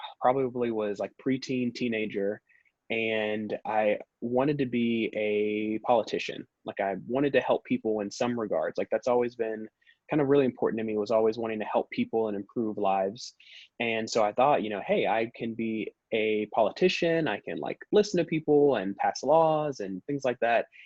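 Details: Adult man who stutters, the only one in his family who does, and a former covert stutterer who avoided words and blocked; stuttering.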